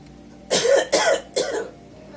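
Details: Three quick, harsh coughs acted by an adult playing a grandmother in a comedy scene, over faint room noise.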